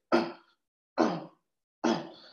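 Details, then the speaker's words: Newborn with respiratory disease gives three short, voiced grunts at the end of each breath out against closed vocal cords; expiratory grunting, a sign of respiratory distress. "so this is grunting so grunting is a sign of respiratory distress"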